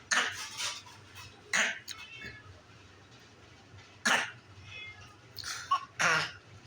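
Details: Cat with a suspected sore throat gives about four short, harsh, hacking coughs spaced a few seconds apart, over a low steady room hum; cat cough.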